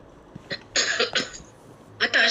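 Brief harsh noisy bursts from an adult clearing her throat, with faint room background.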